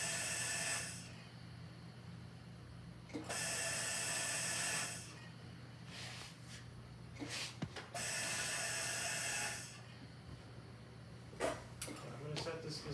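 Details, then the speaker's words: Repeated whooshing gas bursts, each about 1.5 seconds long, with clicks between, from a Mallard 2800 anesthesia ventilator bellows set to 1.5-second inspiratory time at a respiratory rate of 20 per minute. "so now it's pushing down for one and a half seconds"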